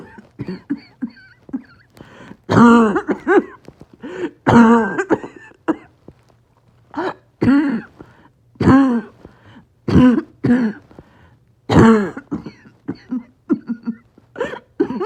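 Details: Repeated bunches of harsh, strained, barking coughs with gasping breaths between them. Coughing spasm in COPD with low oxygen and extreme shortness of breath.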